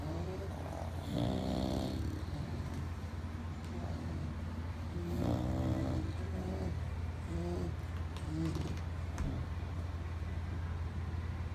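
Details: Three bulldogs sleeping together snoring: loud, rough, rattling breaths over a steady low background hum; snoring.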